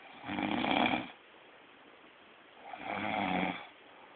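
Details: Man who claimed he never snores is recorded snoring: two rattling, throaty snores on breathing in, about 2.5 seconds apart, with quiet pauses between.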